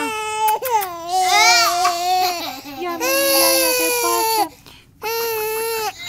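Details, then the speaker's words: Infant crying while being burped, possibly around a feed: loud, sustained wails broken by brief pauses and sharp breaths in. "vamos a derrotar a bruto m a medida que está llorando díaz"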